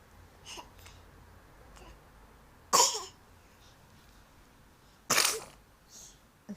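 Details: Two short, sharp, hissing sneezes a few seconds apart from a baby girl in a quiet room.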